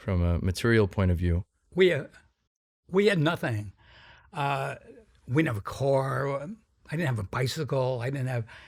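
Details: Adult man with a sometimes noticeable stuttering that varies in severity; described by the host as a pretty strong stutter; stuttering.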